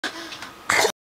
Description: the funniest cough everrr